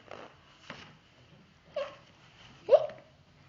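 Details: Simulated hiccups in a children's book read-aloud, with the storyteller voicing Little Penguin, who has a terrible case of the hiccups and gets scared with "boo". Four short, abrupt hiccup-like catches, the last two voiced and louder.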